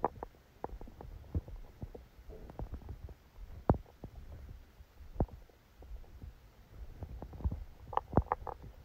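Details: Low rumbling with scattered soft gurgles and clicks over faint hiss: bowel sounds during a stomachache after Christmas dinner, recorded while the person slept.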